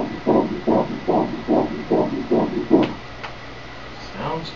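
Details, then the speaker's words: Rapid, regular whooshing pulses at about 146 a minute from fetal heart Doppler, with sound turned on after colour Doppler, during an obstetric ultrasound of a baby girl; normal fetal heart rate. "Heart, we turn on the color using Doppler, you can see the blood flow through the heart. We turn on the sound."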